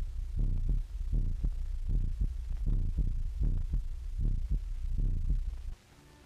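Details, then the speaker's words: Heart sounds heard through an electrical stethoscope in a 1930 animated film; low muffled repeated thumps at about 77 per minute over a steady hum. "a whole room full of students or consultants can now listen to the same heart or body sounds at the same time"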